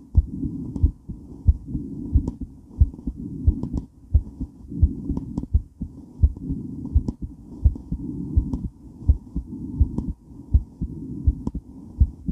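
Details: Female heart during and after weight training, recorded while moving: strong, pounding heartbeat around 83 a minute with movement and heavy breathing noise; normal heart sounds, exercise tachycardia.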